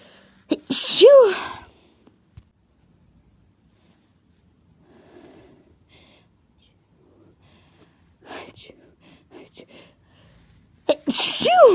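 Two loud sneezes, each with a rising vocal 'achoo' and a sharp burst, separated by quiet breathy build-up sounds.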